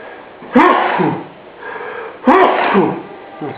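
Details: Father sneezing while the baby yawns: two sharp, explosive sneezes about two seconds apart, each with a quick snorting burst, over steady room noise.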